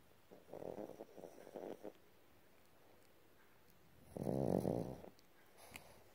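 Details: Snoring from a sleeping Boston terrier: two bursts of snorting, rattling snores with a quiet pause between them.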